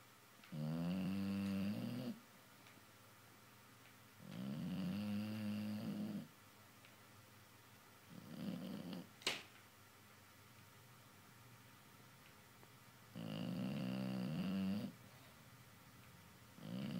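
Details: Sleeping, dreaming dog snoring: slow, regular rumbling bursts, about four breaths in seventeen seconds, with a soft snort between them in a quiet room.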